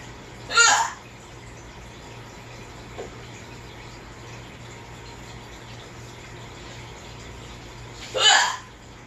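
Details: Hiccups: two loud, sharp hiccups about eight seconds apart with a faint catch between, over steady room hum; the hiccuping person says they hurt.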